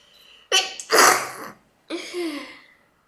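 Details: A sharp in-breath and explosive burst, then a second softer vocal release; a single sneeze from a person.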